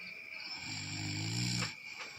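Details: Snoring from a sleeping adult man while a friend pranks him.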